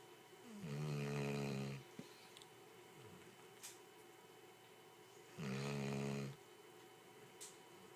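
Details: Dog napping in an office: two deep, buzzing snores about four and a half seconds apart over quiet room noise; snoring in sleep.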